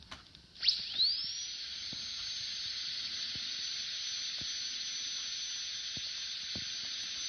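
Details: Dental drill sound effect: a high-pitched whine that rises quickly as the drill spins up, then holds steady.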